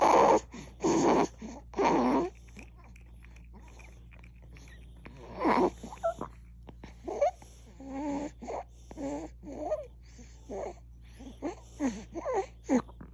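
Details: Infant gasping: harsh, noisy gasping breaths, then squeaky, high-pitched strained breaths, a sign of labored breathing; gasping breathing.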